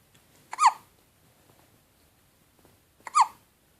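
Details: Baby hiccups: two sharp, squeaky hiccups about two and a half seconds apart, each a sudden catch of breath in a quiet room.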